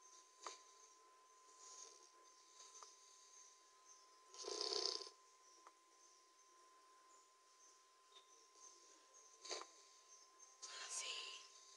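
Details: Sleeping 3-month-old Labrador puppy snoring: soft, irregular snorting breaths in a quiet room with steady background hum.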